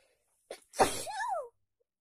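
A quick breath in, then one sharp explosive burst of air with a brief voiced tail: a single sneeze.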